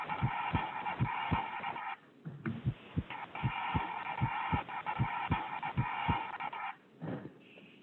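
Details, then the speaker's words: Normal heart sound example from a pediatric cardiology teaching session: regular paired lub-dub (S1 from AV valve closure, S2 from aortic and pulmonary valve closure) at about 78 beats a minute. "i have an example here of a normal heart sound go ahead and play this"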